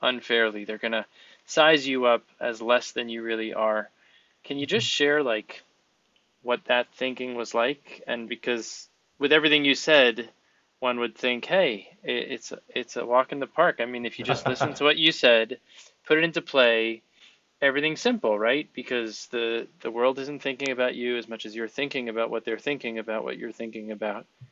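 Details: Adult man speaking; typical speech.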